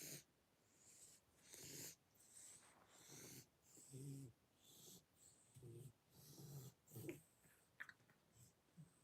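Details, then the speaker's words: Stertor in a large male cat: repeated snuffly, congested snorting breaths from a blocked nose, not the chest, heard while the cat sits on the owner's lap; nasal congestion noisy breathing. "it's his nose like that breathing sound you hear it's not his chest it's his nose that's making that sound"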